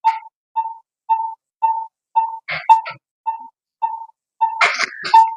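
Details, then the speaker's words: Steady, evenly spaced beeps about 113 per minute with brief overlapping sounds; pulse oximeter tone from a Nihon Kohden SVM-7601 vital signs monitor, finger probe test in a demonstration, SpO2 reading 98%. "ให้เราลองเทสเครื่องเบื้องต้นนะคะอาจจะเป็นการนำตัวfingerนะคะใส่เข้าไปที่Newค่ะเพื่อทำการวัดค่าแซหรือเปอร์เซ็นต์ออกซิเจนในเลือดนะ"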